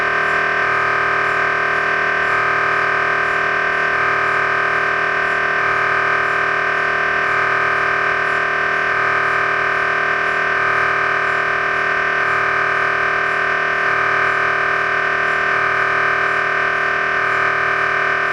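Loud, steady electronic buzzing tone with a rhythmic pulsing pattern; MRI scanner running a sequence.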